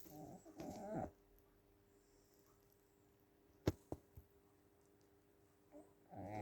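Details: Sleeping dog snoring: rough, fluttering snores on its breaths, with a quiet pause and a few faint clicks between them; snoring.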